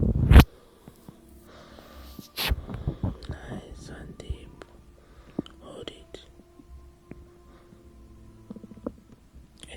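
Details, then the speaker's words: Postpartum woman's stomach gurgling while stressed and doing slow breathing: low, irregular gurgles and rumbles of active bowel sounds over quiet room noise. "Your stomach can make whatever sound it needs. It is just your body that is in stress, settling down."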